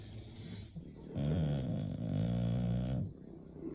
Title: Snoring Bulldogs Henry Lilly Opie Rhett Zane Harley